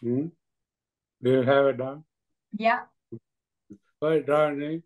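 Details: Adult man with Kleefstra syndrome, participant in a speech and language study; dysarthria.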